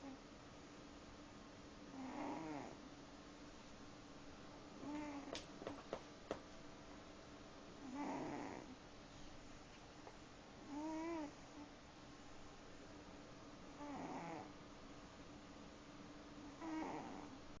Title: Snoring cat